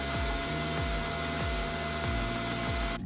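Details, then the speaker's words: Steady loud whooshing blower noise with a high whine and a repeating low rhythmic sweep: a 24V brushless centrifugal CPAP-style 3D-printer cooling blower at 100% through a Mammoth-3D muffler, about 75 dB, 12 dB quieter, over 98% airflow. "at 100% CPAP the mammoth Muffler is able to reduce the Noise by 12 DB and still delivering over 98% air flow"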